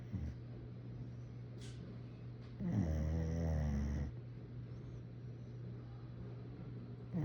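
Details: Pet dog snoring while napping: a single low, rattling snore on an in-breath over a steady background hum.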